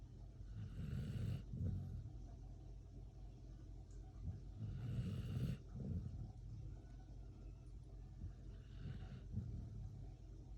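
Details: Sleeping pitbull snoring loudly: low, rumbling snores, about three in ten seconds, over steady background hum.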